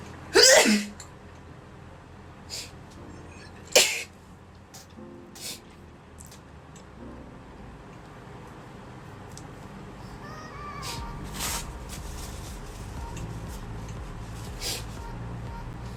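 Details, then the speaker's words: Woman self-swabbing her nose for a Covid-19 test sneezes repeatedly and pauses in discomfort: two sharp explosive sneezes close together, then softer sounds, faint background music. "我的天哪！暂停好了，一直打喷嚏，很痛苦。"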